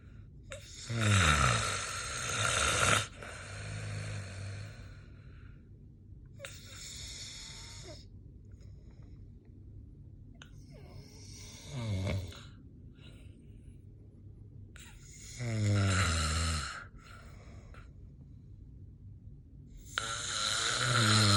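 Loud, rattling snores repeat through sleep, with harsh noisy inhalations separated by quieter breathing.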